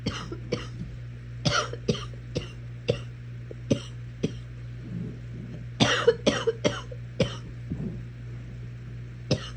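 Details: Coughing while watching Netflix: frequent short, dry coughs, about fifteen in ten seconds, some in quick runs, over a steady low room hum.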